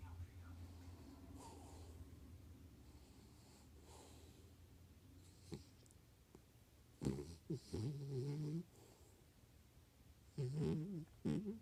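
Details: Female asleep at night, twitching her face, with quiet low breathing then a few short, rough snorting snores; snoring.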